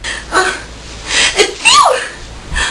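Short, high, squeaky sneeze sounds imitated by an adult in a small room, mixed with giggly vocal noises.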